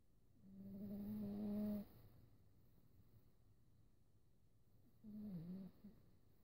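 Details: Snoring heard during sleep; who is snoring is not stated.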